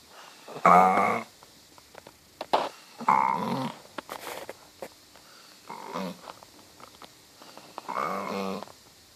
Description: Dog is snoring like a funny cow